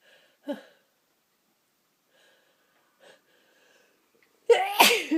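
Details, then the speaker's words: Adult whose nose is tickling: soft sniffs and catching breaths, then one loud explosive sneeze at the end. "oh I've got to sneeze one more time bless me piss me"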